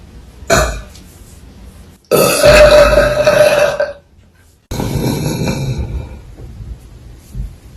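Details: Three loud, drawn-out belches, the middle one long and tonal, each one to two seconds with brief quiet between; burping.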